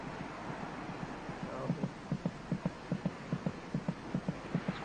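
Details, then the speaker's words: Quick, regular paired thumps at about 150 a minute over a low hum: a fetal heartbeat, about twice as fast as the mother's, heard loud on monitoring. "quite loud the fetus's heart beats about twice as fast as her mother's monitoring the baby's heartbeat gives a good indication of her General condition"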